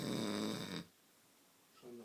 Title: Snoring through a fart